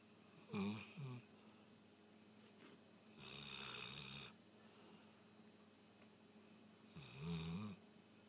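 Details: Sleeping Rottweiler dog snoring: three rough, rattling snores at about eight-second intervals with quiet breathing between them; ordinary snoring.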